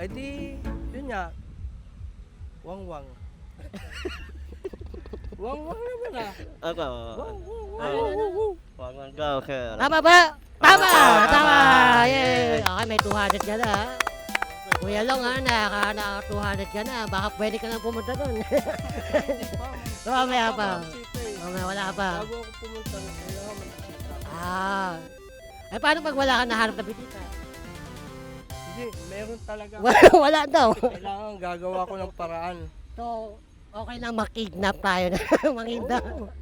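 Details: Hypernasal speech from a host described, like the other hosts, as 'ngongo' (nasal-speech), asking a quiz question.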